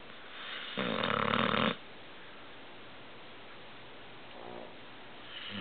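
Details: Snoring in a sleeping 10-month-old American Bulldog: a loud, rough, rattling snore followed by a softer one, with quiet breathing in between.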